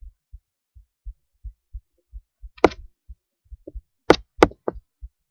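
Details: Soft, regular low normal heartbeat thumps with a few loud rubbing knocks, recorded through a cheap acoustic stethoscope.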